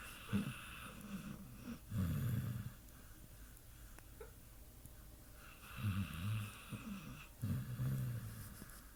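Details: A sleeping, dreaming Pit Bull dog gives loud, low rattling snores in irregular bursts, separated by quieter breathing, in a small quiet room: snoring.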